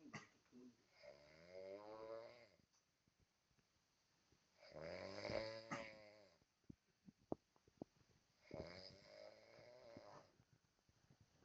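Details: Snoring recorded on a mobile phone and captioned jokingly as champion-level snoring of the neighbourhood; snoring.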